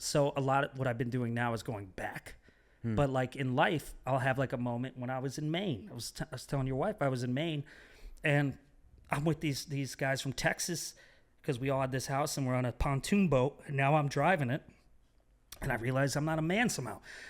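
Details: Adult man speaking; normal conversational speech.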